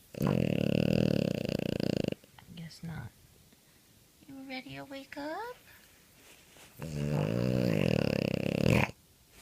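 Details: French Bulldog (Frenchie) snoring: loud rough snoring breaths with a short whiny vocal sound between them.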